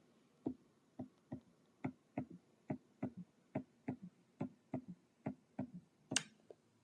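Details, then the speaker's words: Third heart sound (S3 gallop) in small-animal thoracic auscultation teaching: regular beat near 70 a minute with a soft extra low thud after the second sound, from rapid ventricular filling, indicating abnormal ventricular filling. "el tercer ruido cardíaco est asociado a la vibración del llenado ventricular rápido su presencia indica un llenado ventricular"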